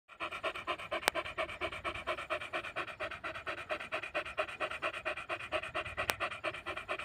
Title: dog gasping after a long run | #pitbull #americanbully #dangerous #dogs #pitbulllover